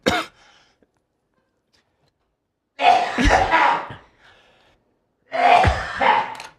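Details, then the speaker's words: Person who has been sick for a while with a persistent cough: a short cough, then two loud harsh cough bursts a few seconds apart in a quiet room; cough. "Actually, the cough was so loud, we still hear it. Well, it's not super loud, at least. It's a gentle."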